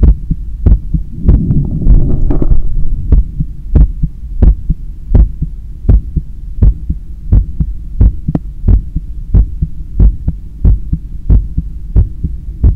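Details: Heart sounds recorded by stethoscope after a 10 km run while lying on a daybed on the left side and trying to control breathing: clear, regular heartbeat at about 85–90 beats a minute, with brief handling rustle near the start.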